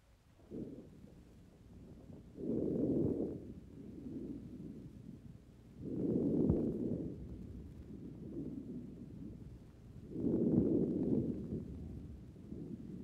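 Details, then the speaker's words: Soft, low, rushing normal vesicular breath sounds heard over the lung in a steady rhythm, about 15 breaths a minute, in a patient with no pneumonia who is awaiting heart surgery; 1955 recording. "patient has no pneumonia, and the breath sounds over the lung are normal."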